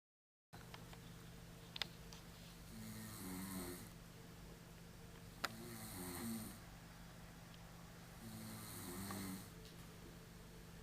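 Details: Person asleep on a couch snoring: soft, regular, fluttering snores about every three seconds over a steady room hum.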